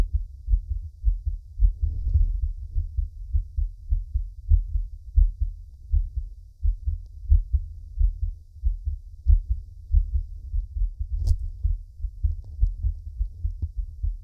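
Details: Man's own heartbeat recorded for ASMR: soft, regular low thumps in lub-dub pairs, about 70 beats a minute, with faint rustle; a steady normal heartbeat.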